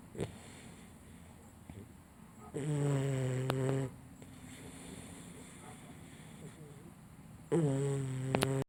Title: Missy Snoring - 4 Months Boxer